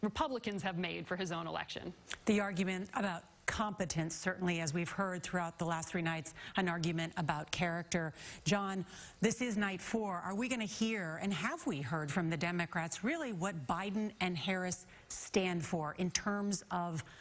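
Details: Adult news presenters speaking; normal speech.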